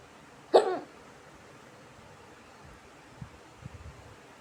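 One sharp, abrupt gulping catch in the throat, then quiet: a single hiccup.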